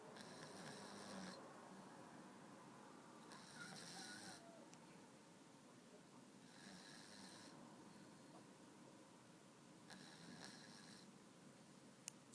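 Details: Soft, breathy snores about every three seconds over steady room noise from a sleeping pet cat: snoring.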